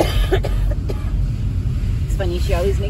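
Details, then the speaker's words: Adult woman with a cold, possibly worsened by wildfire smoke, gives two brief coughs over heavy road rumble inside a car, then a short voiced sound; cough. "My wife has a cold, you guys. That's why she's always coughing like that. I think it's mostly from the fire."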